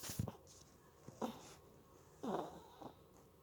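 Several short, irregular snorts and snuffling breaths in a quiet room; snorting noises of a small animal.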